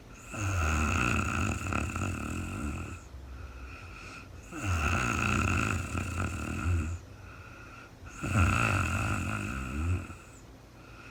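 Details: Adult woman recorded in real time during overnight sleep after being very tired: loud rattling snores on each breath in, about three in 11 seconds, with quieter breaths out between; snoring.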